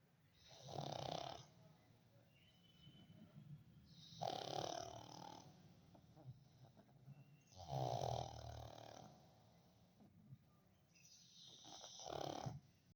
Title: pug snoring 😴